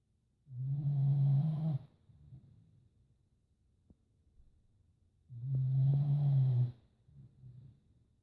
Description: My dog snoring very loud